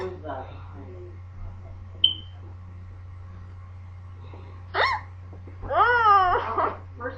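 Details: Persistent hiccups that would not go away, said not to be normal hiccups: a few abrupt, sharp hiccup sounds among quiet moments and brief voice, over steady room hum.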